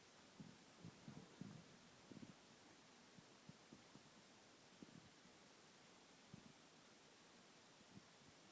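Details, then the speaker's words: Liver span measurement: soft finger-percussion taps along the right intercostal spaces, the note changing from resonant to dull over the liver. "I'm going to do this Piper cutting along the right intercostal space until it changes from changes to a more dull sound"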